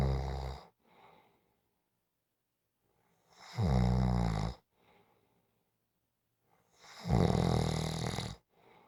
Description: 5 minute clip of snoring. Just for Fun to rewind, relax